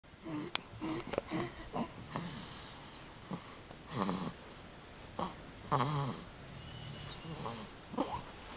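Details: Snoring with REM sleep from two sleepers, one described as the other's dad; snoring.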